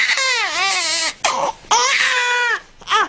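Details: Baby boy crying while being swaddled in a wrap before calming techniques: loud, high-pitched shrieking cry in long bursts with short pauses; infant cry.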